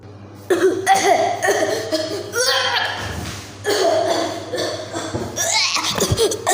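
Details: A young child, one of twins, gives a run of repeated voiced coughs with brief pauses between bursts, some sounding almost like vocal sounds, while a caregiver remarks on how he is coughing: cough.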